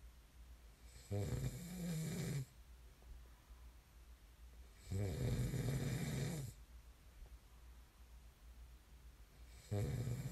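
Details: Three loud, low, rattling snores on the in-breaths, about 14 breaths a minute, with quiet breathing out between them; ordinary snoring.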